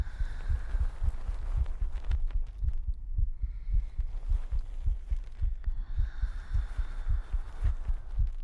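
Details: Pre-recorded steady, soft, low-thumping normal heartbeat with faint rustling and light hum, played during an ASMR stream.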